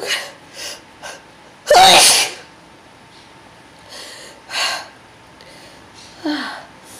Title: very intense sneezing